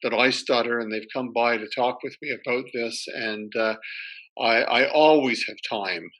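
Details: Retired male academic who stutters, spoke only with great difficulty when young, and now has reasonably good control most of the time; part-word and word repetitions; stuttering.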